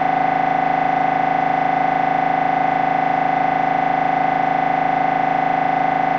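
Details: Noise of an MRI scanner recorded during a brain scan: loud, steady, fast mechanical buzzing at a fixed pitch that stays unchanged throughout. MRI scanner noise.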